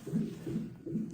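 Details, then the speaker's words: Fetal heartbeat on the continuous fetal monitor during labor induction at 39 weeks for preeclampsia, with a contraction monitor alongside: rapid, regular whooshing pulses about 155 a minute. "yeah this one's for the heartbeat and you can hear it in the background and this one's for my contractions"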